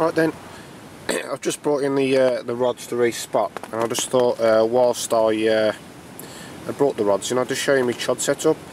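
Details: Adult male speaker; normal voice.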